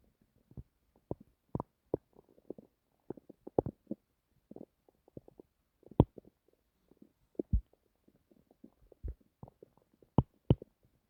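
Frequent gurgles, pops and rumbles from an adult stomach: active bowel sounds of ordinary digestion.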